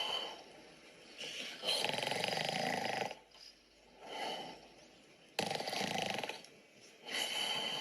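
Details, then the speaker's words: Recorded snoring played as a test for a deep-learning snoring detector: harsh, rattling breaths, louder on each inhalation with softer outflow, about 16 breaths a minute. "Horlama sesi dinleteceğim ve o şekilde bakalım. Şimdi horlama sesi dinletiyorum."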